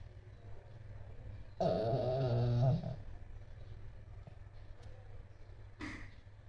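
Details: One loud, rough, vibrating breath sound about a second long, then a softer snort, in a quiet room; a sleeping dog snoring.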